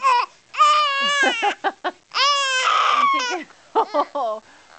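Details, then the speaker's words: Baby during tummy time making new noises, described as panting breathing and screaming grunting: loud, high-pitched vocalizing in short fussy bursts and squeals with brief pauses; infant cry. "so there new noises this we that breathing and then the kind of screaming grunting"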